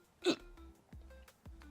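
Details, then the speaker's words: An adult with ongoing small hiccups: a single sharp, abrupt gulping catch of breath over a low steady room hum, a hiccup. "It's like little hiccups. It's not even big ones."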